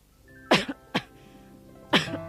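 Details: Three short, harsh acted cough bursts from an adult actor over background music in a 1990s cough syrup TV advertisement; simulated cough.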